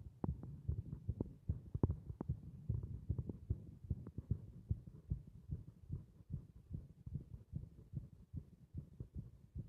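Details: Heartbeat of a heart resisting compression: rapid, fairly regular low thumping against a steady hum.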